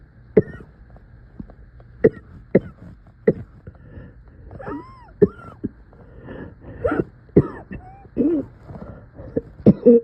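Repeated short, harsh coughs over about ten seconds, some followed by strained groaning: a coughing bout.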